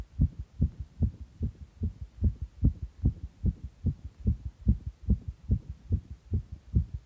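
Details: Strong, regular, fast pounding heartbeat at about 145 beats a minute; rapid heartbeat.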